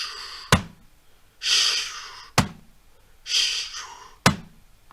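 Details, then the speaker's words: Imitated aortic stenosis: a hissing crescendo-decrescendo systolic ejection whoosh with a click at the end, in a slow repeating pattern. S1 is hidden inside the decrescendo, and the murmur is loudest at the heart base. "in the ending it's kind of the click when you listen to the sound a lot of people do not even notice that there is an s1 it disappears why it disappear it's inside of the decrescendo"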